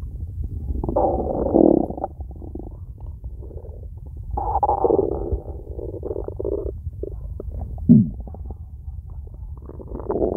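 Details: Empty stomach, nothing eaten yet today: low gurgling rumbles coming and going over about ten seconds, with one sharp squeak near the end; stomach growling (borborygmi).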